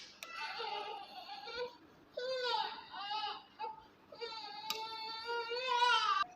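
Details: Newborn baby: repeated high, wavering cries in short bouts, with music in the background; infant cry.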